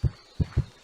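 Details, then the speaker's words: Synthetic heartbeat audio cue for virtual reality (a single low dull thump then a close lub-dub pair), presented with matching wrist vibration to display an avatar's heartbeat. "as you can hear, the audio cue is a heartbeat sound, and the vibration applied to the user's wrist follows exactly the same pattern as the other cues."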